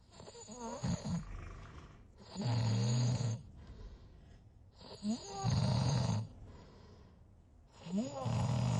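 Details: Heavy snoring during sleep: loud, rattling snores on each breath in, about three in nine seconds, with quieter breathing out between.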